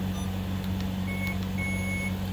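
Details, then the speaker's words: Alaris IV infusion pump, being repaired for animal-aid use, not on a patient: audio-adjust test tone, two soft steady electronic beeps at reduced volume over a constant low machine hum; infusion pump alarm test tone. "audio adjust this is handy when you're in the hospital and the beeping is too loud to deal with but you don't want to silence it because the nurses get grumpy with you you can hit your test or you can go louder or you can go softer"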